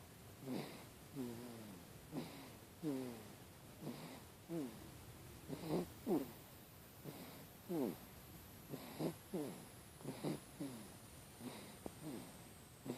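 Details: A 3-week-old baby (species not stated) snores softly and regularly, with a fluttering quality on each breath, about 37 breaths a minute, over a faint hiss.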